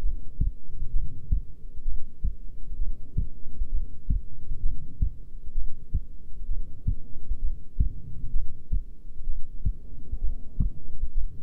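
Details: Female at rest: soft, regular low thumps over a steady hum, about 65 beats a minute; normal resting heartbeat.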